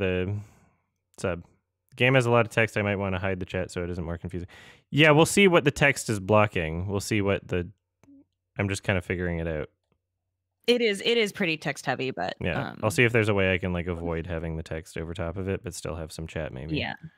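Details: Adult male speaker; normal conversational speech.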